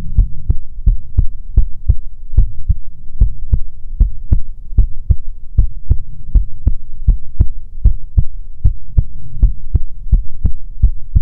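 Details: Heartbeat recorded for ASMR relaxation: regular deep thumping beats, recorded close and loud, over a low background hum.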